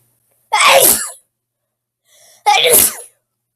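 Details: Person sneezing: two sharp, loud sneezes about two seconds apart, the second preceded by a brief intake of breath; sneezing.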